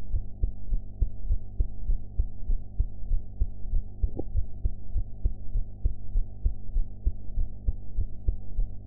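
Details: Steady low thumping heartbeat about 100 a minute over a faint hum, self-recorded heart sounds after eating; sound quality enhanced.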